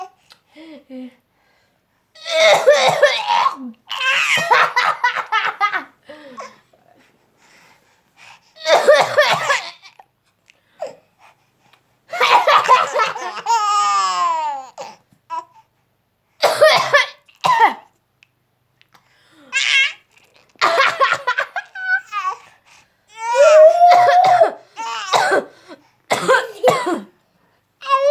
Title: A baby laughing on her brother's cough